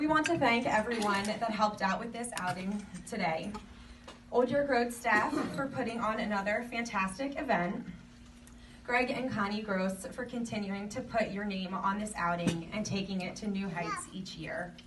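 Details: Adult woman speaking; normal speech.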